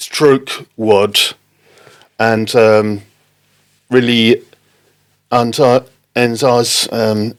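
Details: Adult man with non-fluent aphasia after a stroke in October 2019, affecting speaking, reading and writing; non-fluent aphasia.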